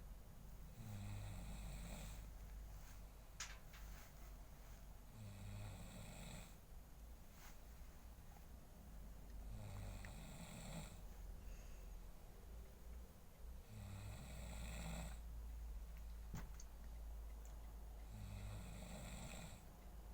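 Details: Sleeping adult man (a father, whose daughter is trying to wake him): deep, rumbling snores about every four seconds, roughly 14 a minute, over a faint background hum; snoring.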